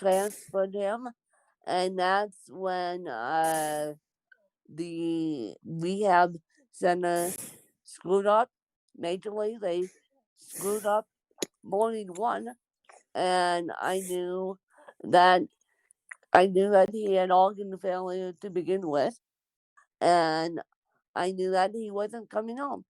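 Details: Dysarthric speech in an adult woman born with cerebral palsy.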